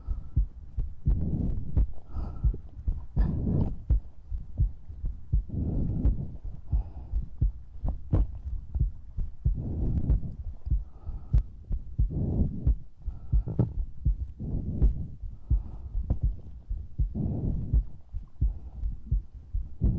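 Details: ASMR recording with breathing, mouth sounds and heartbeat: steady low thuds, about 86 a minute, with soft breaths over them; heartbeat heard close up.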